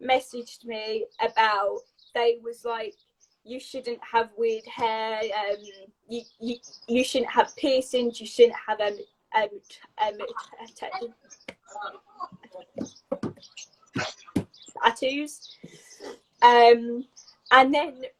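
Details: Adult woman with a lifelong stammer that began at age three, a neurological speech impediment involving blocks that fluctuates during the day; she rearranges words to get them out; stuttering (stammer).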